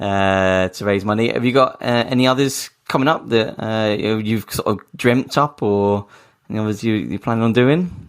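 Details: Adult male speaker; normal speech.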